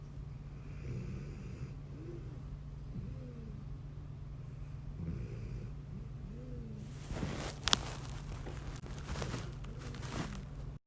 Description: Dog snoring